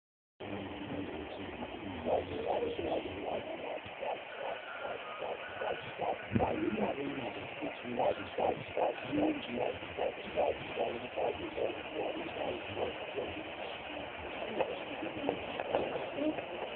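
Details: Fetal heartbeat at 14 weeks 2 days on a Sonoline B home Doppler: rapid galloping whooshes at about 150 beats a minute.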